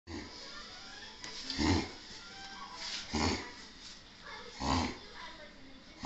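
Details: A female dog's unusually long reverse-sneeze episode, afterwards seeming better: repeated harsh, snorting inward gasps, about three loud bursts roughly every second and a half over a steady background hum; reverse sneezing.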